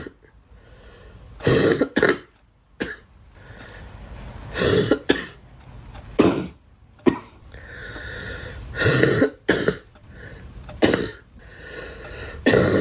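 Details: About eight short, harsh coughs and throat-clears from a girl, separated by quiet pauses, over about thirteen seconds; cough.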